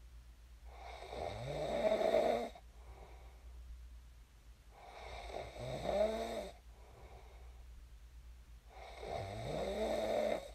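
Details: Real recording of a person snoring in their sleep, shared as snoring ASMR: three rising, vibrating snores about four seconds apart, roughly 14 breaths a minute, with faint room hum between.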